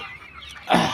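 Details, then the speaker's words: Broiler chicken with respiratory disease (ngorok), before treatment with tetracycline capsules: a quiet stretch ends in one short, harsh, rattling snort from noisy sick breathing. "Oke untuk hari ini kita akan mengobati ayam yang sakit ya ayam yang lagi ngorok ya kita bisa lihat sendiri Nah itu ayam lagi ngorok ya"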